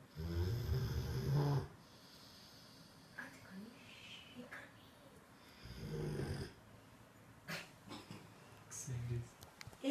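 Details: Cane Corso dog snoring while asleep in a quiet room: deep, rumbling snores with softer snuffling breaths between them.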